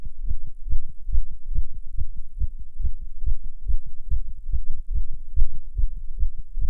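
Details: Fast heartbeat sounds recorded while a non-smoker smokes a cigarette, heart rate rising from nicotine: tachycardia.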